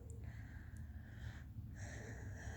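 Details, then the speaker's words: Snoring from a slightly overweight pet cat dozing in its cat bed: quiet rhythmic breathing with a soft snorting rasp on each breath, against low room hum. "If you can hear my cat snoring, I think you probably can. Yeah, he's snoozing away in his cat bed nearby. He's a little overweight, so sometimes, you know, he snores, but at least he's happy."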